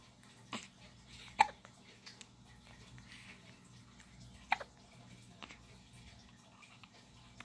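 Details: 4-day-old newborn boy with soft, sharp hiccups at irregular intervals, about two in seven seconds; ordinary infant hiccups.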